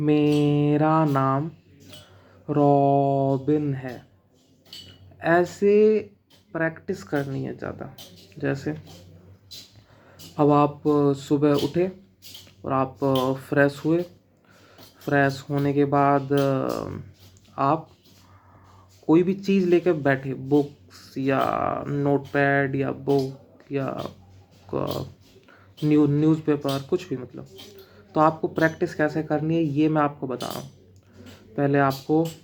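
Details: Man who stammers reads Hindi newspaper aloud using his therapy techniques: slow speech, breathing before speaking, 3-4 words at a time, stretching the first letter; fluency-shaping speech technique for stuttering.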